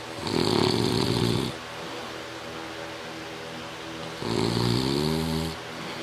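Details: Father snoring very loudly: two loud, rough, rattling snores on breathing in, about four seconds apart, with quiet room noise between.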